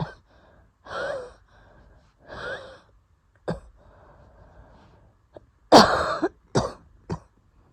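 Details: A Japanese woman has an asthma attack after going outside in the early morning, her first in a long time. Noisy, whistling wheezy breaths are followed by three harsh coughs.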